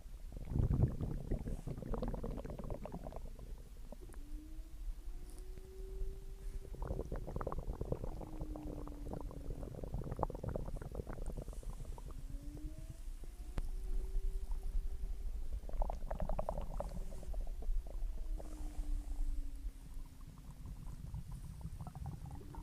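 Gurgling, rumbling abdominal sounds with long rising and falling squeaky tones, typical stomach growling after a meal.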